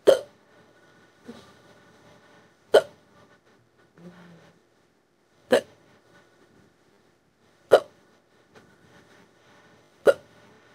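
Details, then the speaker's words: Simulated, AI-generated female hiccups: five sharp, regular hiccups about every 2.5 seconds (~24/min); speaker describes a strong, painful bout lasting an hour that stopped briefly and restarted. "I don't think there's anything I can do to stop these hiccups I think I just have to let them go until they decide to stop on their own"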